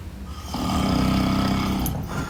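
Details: A single loud, rough, rumbling snore on an inhaled breath, about two seconds long, from a sleeping grandfather whom a dog wakes up.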